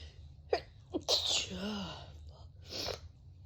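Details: Sneezing during a cold: two quick breaths in, then a sharp sneeze with a short vocal trail, followed by a second softer burst.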